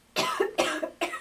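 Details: Simulated cough in a sneezing and coughing etiquette demonstration: three quick, dry, acted coughs, each short and muffled as if covered.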